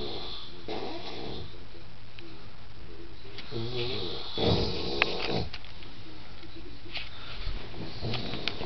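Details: A friend snoring: low, rumbling snores with irregular nasal snorts over steady room noise.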